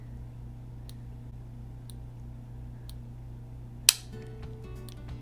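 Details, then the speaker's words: Faint ticking, then one sharp snapping click as an Omnipod DASH tubeless insulin pump pod automatically inserts its cannula after pinching up the skin; first-time wearer felt it a little; cannula insertion click. "so it doesn't tell you exactly when it's gonna inject it it just are inserted it just clicks so I'm gonna pinch up I'm gonna hit start confirm that it's attached it's clicking"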